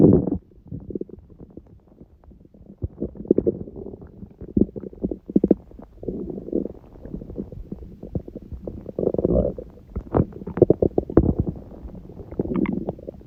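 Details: Stomach growling (borborygmi) recorded at 1:30 a.m. after overeating udon at 19:30, the first gluten in a while: irregular low gurgling and rumbling from the abdomen with occasional sharper pops.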